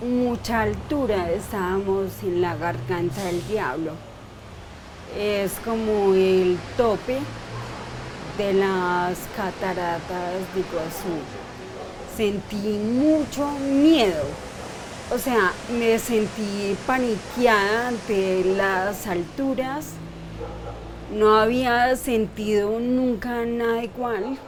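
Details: 42-year-old woman diagnosed 10 years ago with idiopathic cerebellar ataxia, having episodes of slurred speech (dysarthria) and doing daily speech therapy; ataxic dysarthria.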